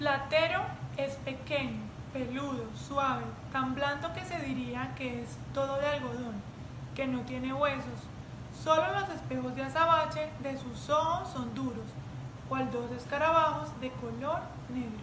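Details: Voice after voice feminization surgery using the Wendler glottoplasty technique, heard reading a passage in Spanish.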